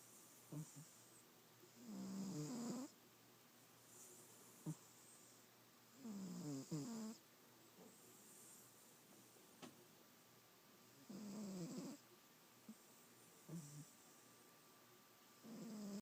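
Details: Rattling, gravelly snores on each breath, about every four to five seconds, with small snorts between, from a person while asleep; snoring.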